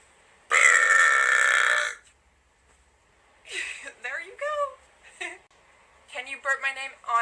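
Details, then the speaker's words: Deliberate burp made on request during a live stream: one long, loud, steady-pitched belch lasting over a second, followed by brief talking. "make a burp okay last Bert please okay there you go make another Bert please you really like my burps don't you"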